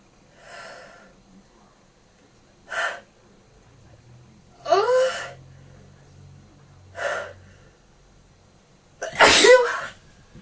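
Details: Person with a cold, in bed, sneezing: five sharp, explosive bursts through nose and mouth, some preceded by a brief intake of breath.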